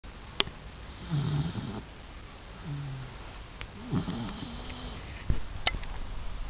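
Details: Sleeping Labrador puppy: low, soft, snuffly snores and small nasal sounds with a few clicks in a quiet room; snoring.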